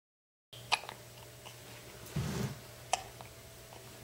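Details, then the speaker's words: Eight-day-old newborn boy with hiccups while being bounced by his grandmother: quiet room with two brief, sharp hiccup clicks about two seconds apart. "Okay. Let's do this the right way. Yeah, he's already got the hiccup stuff going."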